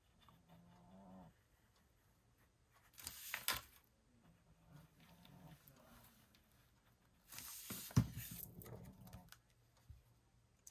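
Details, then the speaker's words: Pet chihuahua snoring in her sleep: soft, low rumbling snores, about 13 a minute, under paper and crafting noises. "My dog is snoring. Can you hear her snoring? My chihuahua. She snores."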